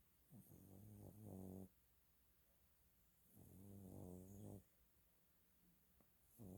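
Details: Dog snoring during a nap: soft, fluttering snores with each breath, two clear breaths and the start of a third in a quiet room.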